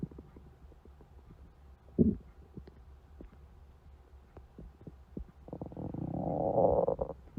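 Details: Stomach growling (borborygmi): low gurgles, a sharp squelch, then a long rising growl.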